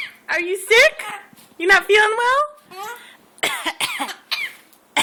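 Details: Animal Archie, four days in his new home, makes several voiced, phlegmy cough and hocking throat-clearing bursts.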